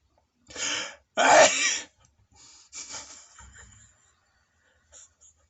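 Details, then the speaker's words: Japanese comedian performing deliberate, exaggerated sneezing for comedy: two loud explosive bursts, the second a forceful sneeze, followed by softer breathy sounds; sneezing. "これから命がけでくしゃみをやろうと思います。"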